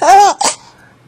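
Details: A single voiced 'ah-choo', a playful imitation of a sneeze made for a baby, not a real sneeze.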